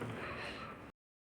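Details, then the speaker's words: A short, noisy, rough breath with rattling, congested quality from an adult woman with a cold and much phlegm, who reports a constant wheezy rattling sound. "आणि आता एवढा cup झालेला आहे की सारखा असा घरघर असा आवाज येतो"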